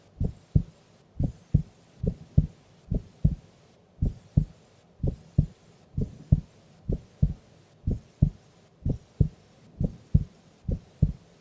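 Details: Female sleeping during an afternoon nap: steady, regular low paired lub-dub thumps at a calm resting pace; normal heart sounds during sleep.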